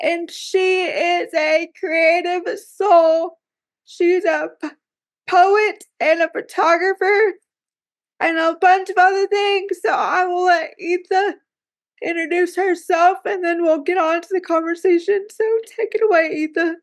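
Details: Dysarthric speech in a woman with cerebral palsy who reports that talking is hard for her.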